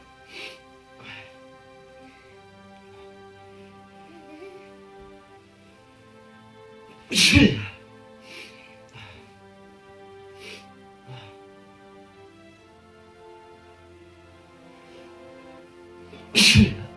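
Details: Sneezing induced by putting Kalanchoe juice in the nose as a folk remedy for a stuffy nose: two loud, explosive sneezes about nine seconds apart, over background music.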